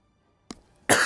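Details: An adult man whose voice is shot and raspy from a week of recording gives a brief throat catch, then one loud, harsh cough burst in a quiet room, cut off at the end.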